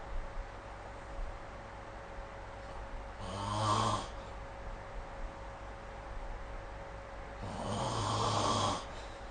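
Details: Snoring recorded with the SnoreLab app: two loud rattling snores about four seconds apart on quiet breaths, with a steady faint room hum.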